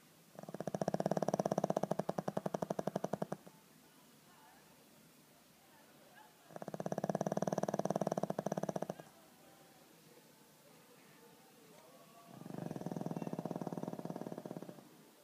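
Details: Sleeping pug dog snoring: loud rattling snores, three long drawn-in breaths about five seconds apart, in a quiet room.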